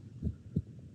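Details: Simulated heart sounds from a DxR Clinician virtual patient, heard through a virtual stethoscope on the chest: two low, dull thumps.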